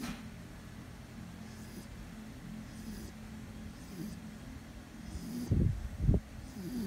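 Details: Sleeping dog, an off-duty guard dog, snoring: a soft low rumble with a couple of louder snorting snores near the end.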